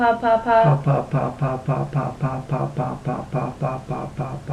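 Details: Normal diadochokinetic rate on rapid 'puh' repetition by an adult man during the oral-motor part of a clinical bedside swallow evaluation, judged normal by the clinician.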